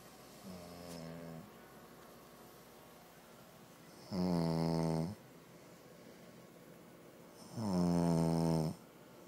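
Deep, droning snores on each in-breath, growing louder, about 17 breaths a minute; ordinary snoring in sleep.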